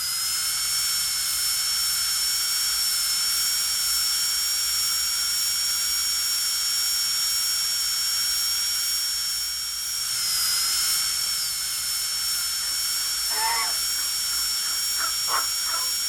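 Continuous high-pitched whine of a dental drill, pitch dipping briefly mid-run, then faint clicks as it winds down.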